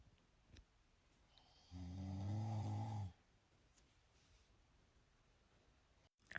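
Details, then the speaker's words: Adult man (husband) snoring during sleep, mouth-taping patches tried to stop it: a single loud, low, rattling snore lasting about a second and a half in a quiet room. "Ahora sí me vas a dejar dormir tranquilo. ¿Será que con eso vamos a dejar roncar?"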